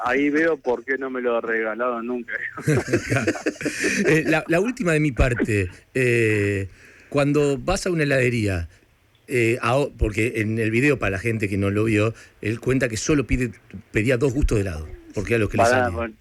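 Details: Adult man; typical speech.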